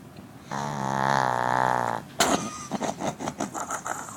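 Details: Sleeping dog, described as a Northern dog, snoring: one long buzzing, rattling snore on an in-breath, then quieter snuffling breaths.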